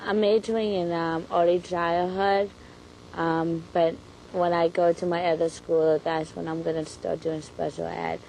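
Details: 21-year-old with lifelong verbal apraxia, diagnosed only in high school, improved with speech therapy, with difficulty on "R" sounds: childhood apraxia of speech.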